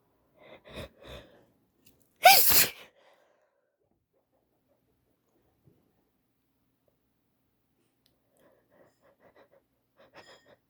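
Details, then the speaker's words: Female with a cold and stuffy nose: short quick inhalations build to one loud explosive sneeze, followed by quiet sniffling breaths; a single sneeze. "I sneeze."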